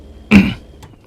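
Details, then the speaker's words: Adult with recent small, raspy "baby coughs", not feeling sick: a single short, slightly rough cough or throat clear, then quiet room noise. "I don't know what's going on with my my throat I've been kind of getting like a just little baby coughs they aren't like big ones or anything like that and as you can hear it's a little raspy"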